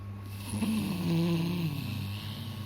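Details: One low, rumbling snore with a buzzing tone on the in-breath over steady room hum; ordinary snoring heard near a baby who is startled by the sound.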